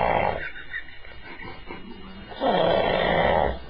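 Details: Adult woman sleeping after a night of drinking, snoring loudly enough to be heard through closed doors: very loud, rough, rattling snoring breaths, noisy on both breath-in and breath-out; snoring.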